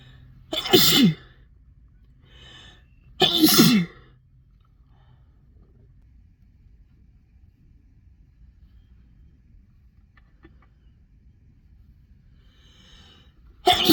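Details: Two loud explosive sneezes a few seconds apart, quiet between, start of a third at the end; from a spring sneeze compilation.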